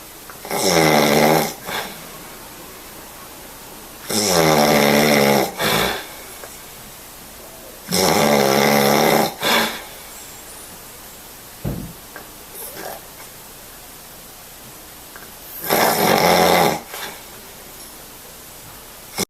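Loud, rough, rattling snores on each breath in, four in about 19 seconds, with quieter breaths out between them.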